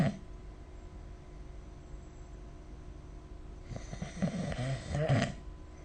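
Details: Person asleep, recorded with the SnoreLab snoring app: a deep, fluttering snore on inhalation after a quiet stretch; ordinary snoring.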